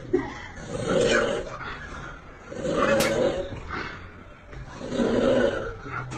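Three loud, rumbling, drawn-out snores about two seconds apart, roughly 29 breaths a minute; heavy snoring.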